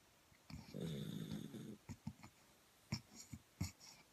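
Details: A low, rumbling snore of about a second, then several short soft snorts and huffs; snoring, probably from a dog.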